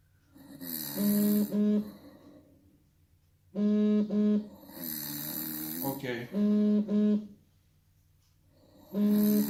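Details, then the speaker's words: Person snoring during a home test of a snoring-detection bracelet prototype: loud, droning, buzzing snores in breath cycles about every four seconds, each with a brief break partway through. "This algorithm detects snoring sound and vibrating. Now I'm starting the system. Okay. And now we're waiting 30 seconds. Okay. And start snoring."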